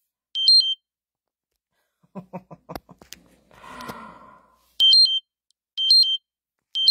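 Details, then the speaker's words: Repeated short high electronic beep bursts with brief room sounds between them: the speaker's own glucose monitor alarm going off during a live stream; sugars had not been checked beforehand. "I've got an alarm going off. And I don't know how to get it. Oh, hello. Oh, this is not good, guys. My glucose alarm is going off."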